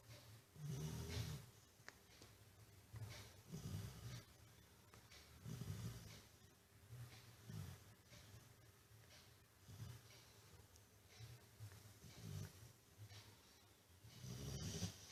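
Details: Low, soft snorting snores repeating every couple of seconds, about 30 a minute, in a quiet room: a pet dog snoring in deep sleep beside a study table.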